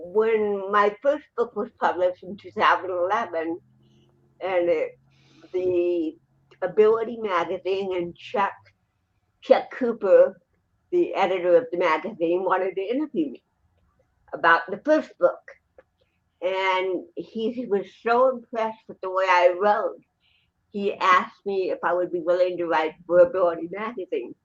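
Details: Dysarthria in an adult woman with cerebral palsy who also has a 75% hearing loss and wears hearing aids; finding: dysarthria (cerebral palsy).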